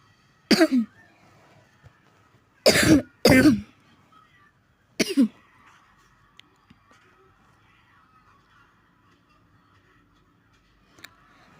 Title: maaf lagi batuk